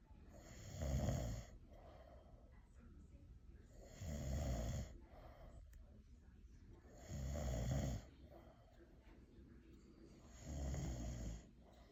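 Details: Elderly grandfather, exhausted and asleep: four deep, rattling low snores on the in-breath, about 18 breaths a minute, with quiet gaps between them; ordinary snoring during sleep.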